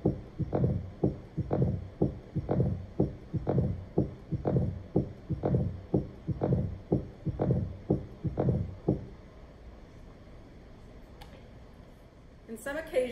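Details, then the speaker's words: Human heart, regular beat near 60 a minute with a rough whooshing murmur blended into each beat: turbulent flow through a rigid, inflexible narrowed valve (valve stenosis). "in occasions the valve can become rigid and inflexible producing this turbulent flow of blood let's hear the sound that that would"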